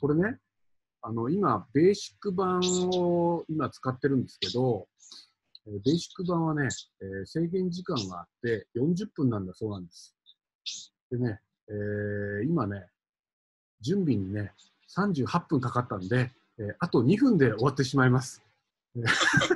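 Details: Adult man speaking Japanese; typical speech.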